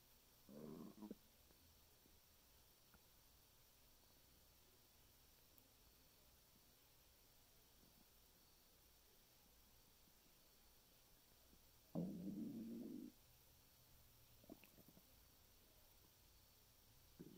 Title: my stomach making noises 9/9/2020